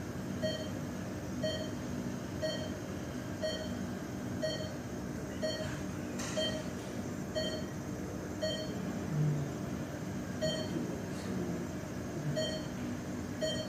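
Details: Sound-effect recording of an ICU bedside patient monitor: steady electronic beeps about once a second over a constant machine hum.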